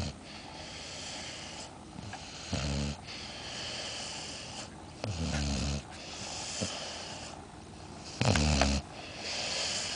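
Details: Snoring: three loud, low rattling snores over about ten seconds, separated by quiet breathing, with steady background noise.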